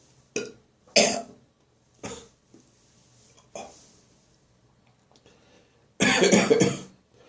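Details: Morning bathroom coughing lingering after bronchitis, while clearing remaining phlegm: several short dry coughs, then a longer harsh gagging cough; dry cough.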